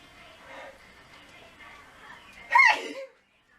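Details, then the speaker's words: An adult sneezing: a quiet, breathy build-up ends in a single loud, forceful sneeze. "Come I have to sneeze. Uh trying to get it out. But uh God bless you."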